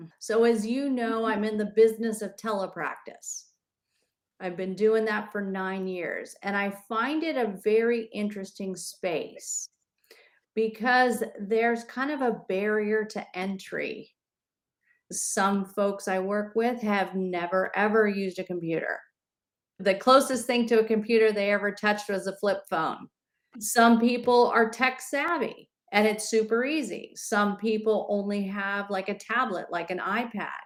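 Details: Adult speaker; normal speech.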